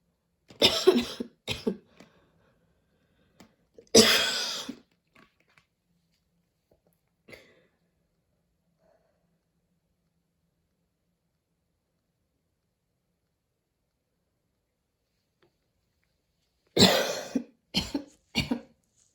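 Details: Person after running outdoors at the start of allergy season, dizzy and nearly fainting afterwards: several harsh coughs in two clusters with a long quiet gap, raspy and wheezy; very wheezy cough.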